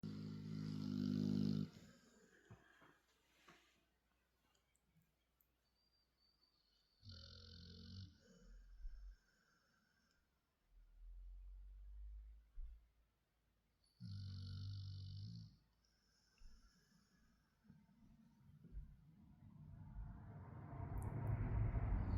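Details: Female pet dog sleeping on her owners' bed after chewing things she shouldn't, snoring: loud, rattling snores about every seven seconds with quieter low breaths between them.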